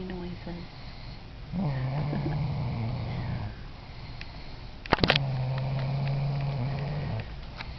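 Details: Sleeping girl snoring: two long, steady, low-pitched snoring breaths with a brief rustle between them; others sleeping nearby.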